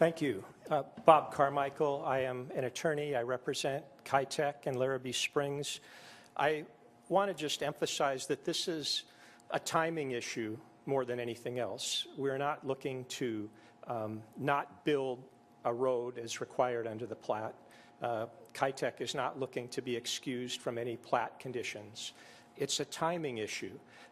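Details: Adult male speaker; normal speech.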